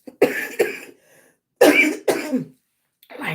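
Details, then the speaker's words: Adult woman with lung involvement from anti-Jo-1 antibody, coughing often while talking on a livestream: several short coughs and throat clears in quick pairs. "The Joe one antibbody affecting my lungs. So that's why you hear me cough a lot."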